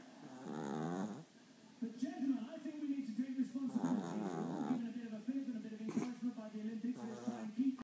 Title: Snoring ziggy chihuahua